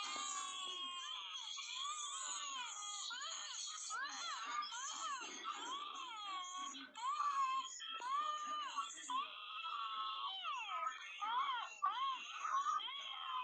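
High-pitched, rising and falling wails in repeated bursts that grow louder midway; a newborn crying.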